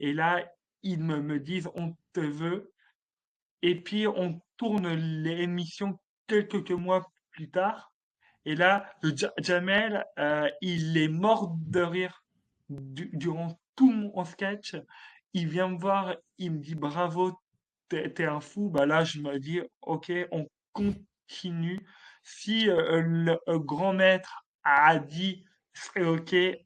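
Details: Adult male comedian with stuttering since childhood, which he describes as part of him, more like an accent; stuttering.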